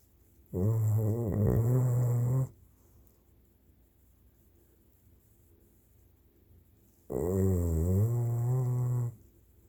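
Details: Dog napping and snoring: two long, deep, humming snores about six seconds apart, with near silence between them.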